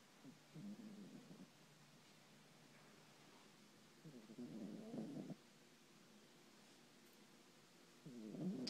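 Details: Soft, fluttering snores from a sleeping pet in a chair, in three short bursts over about nine seconds, against faint room hiss; snoring.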